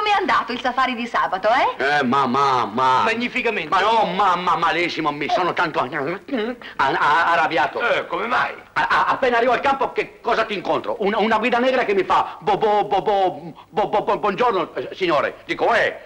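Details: Acted: comedian in a 1965 Italian TV commercial plays a boastful hunter with a comic pronunciation defect (stuttering, 'tartagliare'); stuttering.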